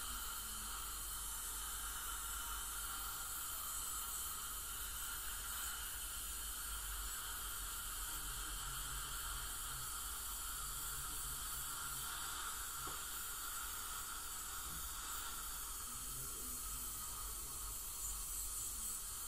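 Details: Ultrasonic scaling by a dental hygienist on a patient with heavy plaque and tartar, possibly gingival inflammation or full-mouth debridement: steady high hiss and spray with suction noise throughout the teeth cleaning.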